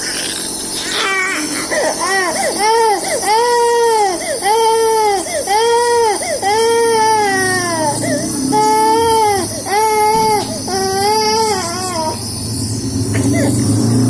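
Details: Rhythmic, sustained infant wails about one a second over steady background noise; crying of a baby sick with cough and cold.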